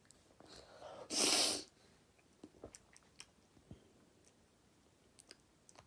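A single sharp sneeze with a brief in-breath before it, then quiet room sounds.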